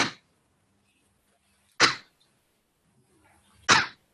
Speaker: So that's a typical tick cough. Single coughs, once you talk to them, you distract them, and the cough goes away.